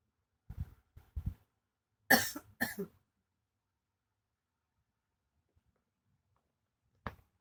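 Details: Adult woman sleeping sitting up on a bed to ease a persistent night-time cough; several short coughs, including a louder pair, in a quiet room.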